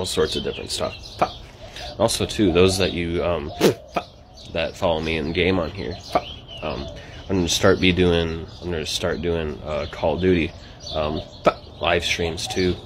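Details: Adult man with Tourette syndrome, with vocal tics occurring between sentences; Tourette syndrome vocal tics.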